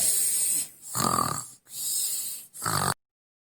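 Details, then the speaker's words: Sleeping female snoring very loudly, likened to a lion: loud, harsh, rattling snores in quick succession, each breath a rough snorting noise. "आज हम आपको मिलाएंगे से, जो कि सो रही हैं और इतने बड़े बड़े स्नोर कर रही हैं।"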